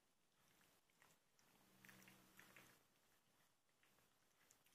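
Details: Faint, irregular grinding and clicking from a cat's mouth; teeth grinding (bruxism) in a cat.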